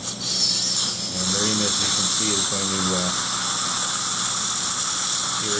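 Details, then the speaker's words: Steady high-pitched whine of a dental handpiece with hissing water irrigation as a tissue punch self-centres through the upper-jaw gum in a stent-guided (surgical guide) implant surgery, before drilling; dental implant tissue punch with irrigation. "we're going to start by uh using our tissue punch lining it up it will find its own"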